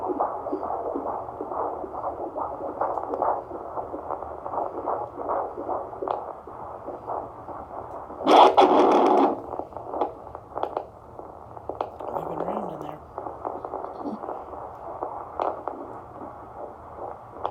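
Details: Fetal heartbeat on a handheld fetal Doppler: fast, rhythmic whooshing pulses with brief probe noise (average fetal heart rate 110-160 bpm).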